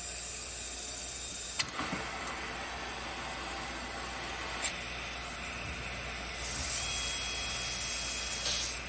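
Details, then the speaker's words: Dental high-speed suction, described as like a huge vacuum cleaner sucking everything up very fast during dental work: steady loud airy hiss with clicks and a rising whoosh. "we have the high speed suction and the high speed suction is like a huge vacuum cleaner so it's sucking up everything really really fast"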